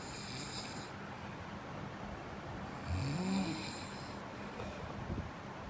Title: Snoring 5